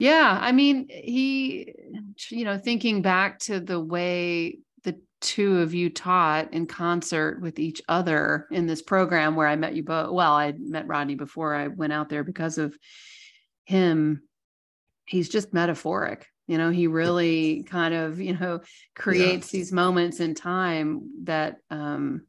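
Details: Adult speaker; ordinary speech.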